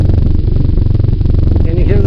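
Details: Purring obscuring auscultation.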